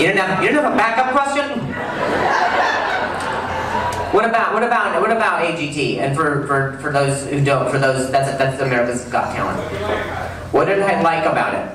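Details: Acquired stuttering in an adult male comedian, onset at age 20 the day after a softball struck his throat, causing a minor vocal contusion and a major concussion he slept on; no stutter since childhood before that.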